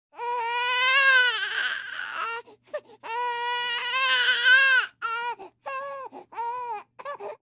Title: Purple Baby Crying